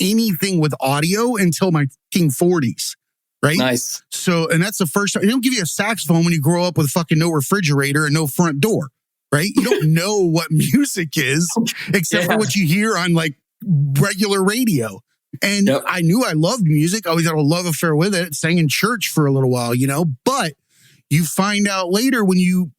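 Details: Adult male speaker; typical speech.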